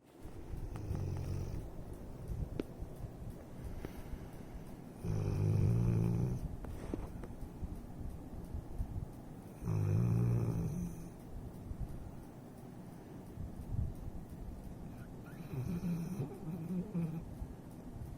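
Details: Content dog snoring while asleep: three slow, rumbling snores about every five seconds, with quiet breathing between.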